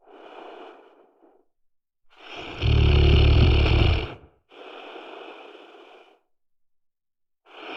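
Breathing in a sleeper with a loud, low rattling snore on one inhale, between quieter breaths; snoring.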